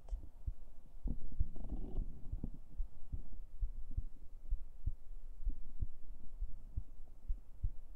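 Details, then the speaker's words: Woman's real heartbeat picked up by a microphone placed on her chest during a live stream; steady, regular low thumps, about 90 a minute. "yeah that's my real heartbeat I put it I put the mic on my chest"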